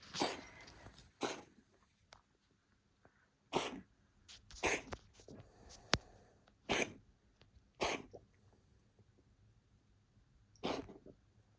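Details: Coughing fit recorded July 26: about seven sharp, explosive bursts at irregular intervals from an animal.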